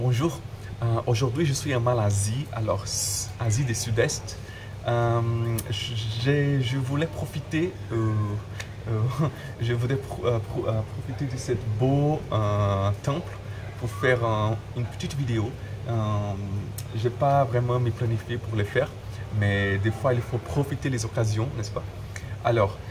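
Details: Adult man who stutters, speaking French, with word and phrase repetitions; stuttering.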